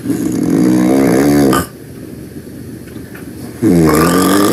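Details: Loud snoring while taking a nap: rattling snores, each about a second and a half long, with a quiet pause between them.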